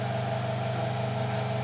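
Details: Steady low motor drone of a suction machine running during training suction of an infant's mouth.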